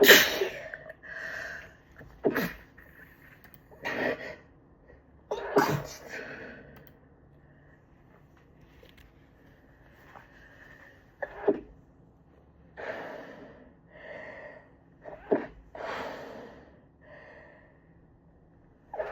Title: mostly stifled chhinkni sneezes